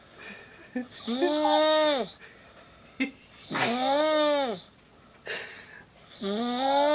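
Repeated loud, whistling, tonal snores about a second long, with short gasping breaths in between. Snoring with a high-pitched, wheezy quality.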